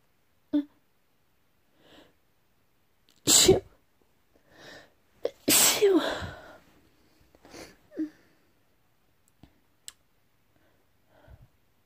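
Two loud sneezes amid soft breaths and small sniffs in a quiet room.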